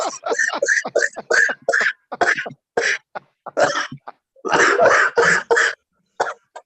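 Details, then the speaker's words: Adult who says they are sick gives a long run of rapid, harsh coughs with brief pauses between clusters: cough. "Sorry, you seem you don't look good. You seem to be very sick. This is. Yes. I'm sick. Yeah. Oh. You can hear me coughing. You can hear me coughing now."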